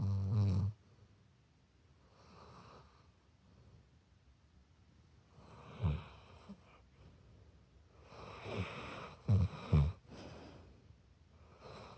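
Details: Pit bull dog snoring in a quiet room, with irregular low rumbling and snorting breaths, some much louder than others.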